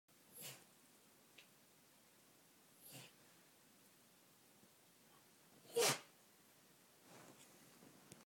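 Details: West Highland White Terrier with allergies sneezing: several short, sharp sneezes, one louder than the rest, with quiet pauses between them in a still room.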